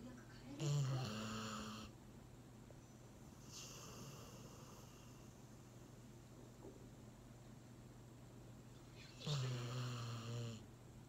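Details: Labrador dozing after a meal, leaning against the owner, falls into deep sleep and snores: two long, low rumbling snores about eight seconds apart with quiet breathing between.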